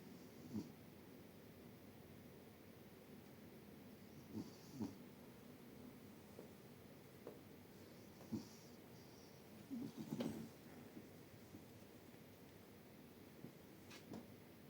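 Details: Sleepy orange cat napping on a chair, face covered by his paw: soft, irregular snorts and short snuffling breaths in a quiet room; gentle snoring.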